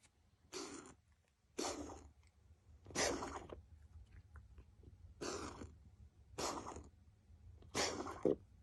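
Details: Cat coughing: six harsh, hissing, forced exhalations about one a second, each a short dry hacking burst; cough.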